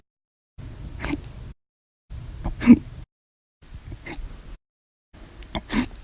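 Four short, abrupt gulping catches, each breaking a brief stretch of faint breath noise. These fit hiccups.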